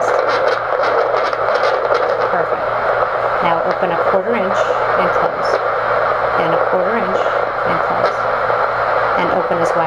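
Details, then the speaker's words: Temporomandibular joint auscultated with a Doppler during repeated wide jaw opening and closing: quiet during rotation (first quarter inch), then grating, wavering crepitus above the steady hiss during translation, with no click. "translation is the rest of the opening past a quarter inch and if you listen you will hear crepitus or increased noise beyond the background noise"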